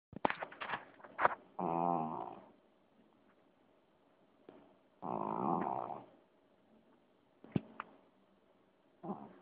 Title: Snoring cat